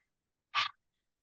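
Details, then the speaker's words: Huff cough demonstrated in chronic lung condition breathing class (active cycle of breathing): sitting tall, feet flat, inhale through nose, then single short open-throated breathy huff, vocal cords open like fogging a window, no voiced cough; low-and-slow huff to work up mucus. "So huffing uh as I mentioned the two types the low and slow when you're just sort of working things up. So let's try that together."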